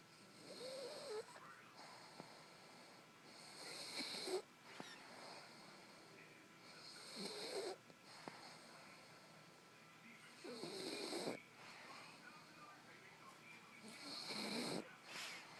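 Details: Dog snoring: loud, rough snoring with breathy, whistling breaths, about 17 a minute, somewhat irregular.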